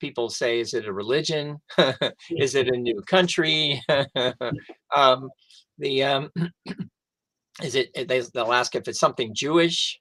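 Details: Adult male stroke survivor who lost his language after a stroke, now with mostly expressive (Broca's) aphasia; expressive aphasia.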